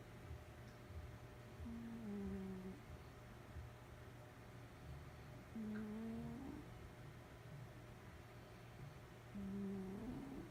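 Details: Soft, faintly whistling snores from a sleeping cat, about three breaths over ten seconds, over a steady low room hum; ordinary cat snoring.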